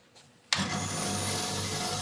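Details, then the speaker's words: Ventilator operation demonstration: a click, then a steady loud motor hum and hiss as the medical air compressor is switched on to supply the ventilator, gauge rising; medical air compressor running. "Now for this case uh we can try using the the compressor the medical air."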